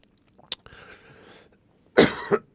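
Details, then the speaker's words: Adult man with a dry throat clears his throat, then gives a short dry cough burst while talking; dry cough with throat clearing. "Oh my god, my throat's driving me nuts. >> [laughter] >> Sorry, my throat's dry."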